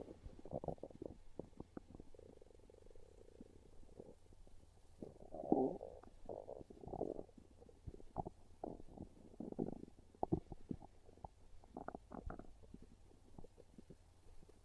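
Repeated low gurgling and croaking rumbles with brief bubbly bursts, hunger stomach growls.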